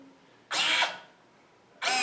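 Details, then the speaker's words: Prototype low-cost automated bag-valve-mask ventilator running on the child setting at medium rate: short bursts of motor whine separated by quiet gaps as the motor drives compression strokes; ventilator compression motor. "so if I want to bag a child at medium then I would go to child medium and then press the white button which will initiate the discussion"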